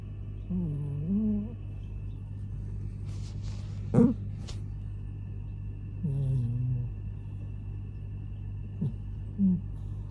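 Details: Adult male cat, tired out from play, snoring loudly in sleep: a few rough, rumbling snores with a wavering tone over a steady low hum; ordinary snoring.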